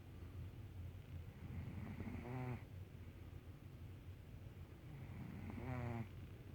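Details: Scooter snoring: two soft, buzzy snores a few seconds apart over low room noise, typical of a sleeping cat.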